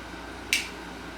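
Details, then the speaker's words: A single sharp click from an Omnipod 5 insulin pod priming itself while the controller communicates with the pod; the clicks are normal priming sounds. "and then you're gonna start hearing like clicking sounds that just means it's like it's priming your um pod"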